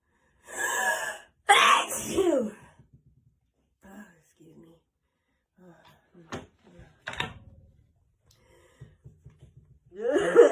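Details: Simulated (acted) sneezing by a person: two loud bursts with a gasping intake, then quieter sniffs and snorts.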